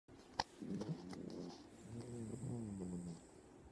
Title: The snoring dog